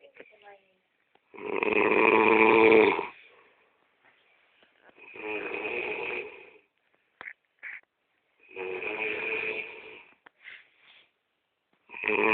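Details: Man snoring: loud, harsh, rattling snores on each breath in, about three in twelve seconds, with quiet pauses between.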